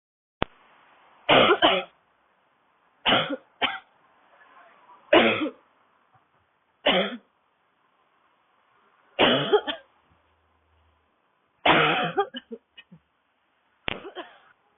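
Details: Seven bouts of harsh, dry, barking coughs, some in quick doubles, deliberately performed by an adult woman; dry cough.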